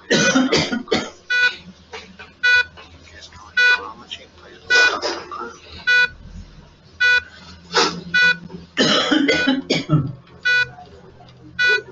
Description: The sound event classification engine is able to detect cough among other ambient sounds in a hospital ward.